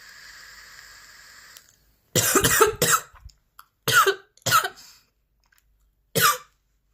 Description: A 10-minute video featuring an extremely intense and persistent coughing fit.